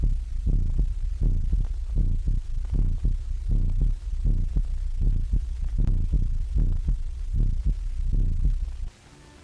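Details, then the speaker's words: Old animated film on the electrical stethoscope, which amplifies heart sounds for a whole room of students: repeated low thumping heartbeats at about 78 beats a minute with a steady low hum behind. "a whole room full of students or consultants can now listen to the same heart or body sounds at the same time thus receiving a simultaneously accurate record of all sounds whether of high or low frequency without undue fatigue to the patient"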